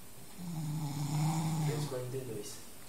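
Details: A sleeping armadillo gives one drawn-out, low, buzzing snore with a slight rise and fall in pitch; snoring.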